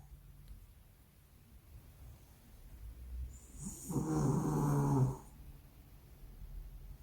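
One loud, low, rattling snore lasting about a second, against quiet breathing and room noise.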